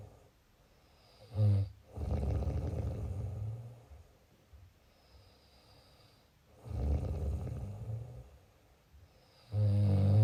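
Loud, low rattling snores on each breath in, three cycles with quiet pauses between; snoring.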